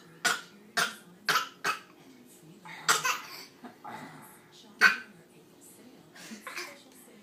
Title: fake cough